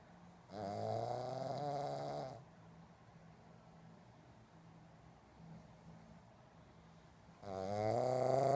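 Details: Sleeping pug snoring, said to be louder than a human: loud, long, vibrating snores separated by a few seconds of quieter breathing.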